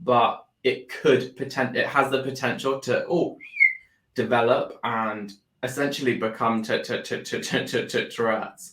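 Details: Adult man with Tourette syndrome that began about four years earlier after seizures and brain swelling, with motor and vocal tics and a stammer that followed a loss of speech; Tourette syndrome with vocal tics and stammer.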